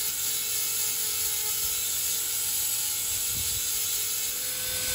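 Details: Full metal crown preparation on a mandibular first molar: steady high-pitched whine of a high-speed dental handpiece running continuously during axial reduction with the bur, avoiding the adjacent tooth.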